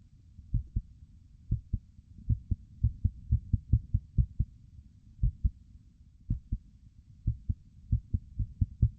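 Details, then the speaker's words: Normal heart sounds from a dog, likely a puppy, as heard by stethoscope: crisp paired lub-dub with a slightly irregular rhythm speeding up and slowing down, normal sinus arrhythmia. "So that's our normal heart sound. That's what the heart would sound like if you had a stethoscope. And you may have heard that it was slightly irregular."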